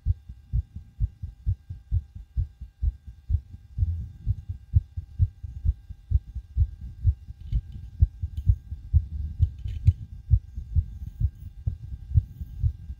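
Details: Fast, forceful, regular heart thumps at about 130 beats a minute, recorded with a DIY stethoscope on the person's own chest right after backflips and bouncing on a trampoline: exercise-induced tachycardia.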